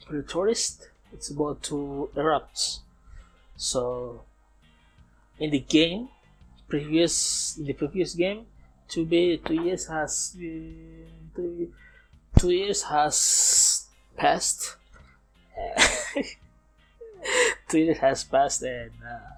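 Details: Man approaching 31, non-native English speaker, self-described as still stuttering (not clinically diagnosed), speaking English in a self-recorded podcast made partly to train his English; stuttering.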